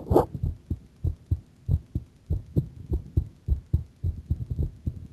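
Quick, steady low thumps of a heartbeat, roughly 100 beats a minute, with faint room hum; a fast heartbeat.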